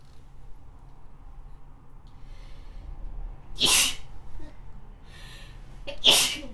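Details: Sick person with a runny nose, sneezing.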